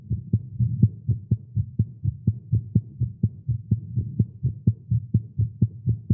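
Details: Male's rapid, fairly steady low heart thumps at about 125 a minute, recorded live after exercising with caffeine; tagged irregular heartbeat; fast heartbeat.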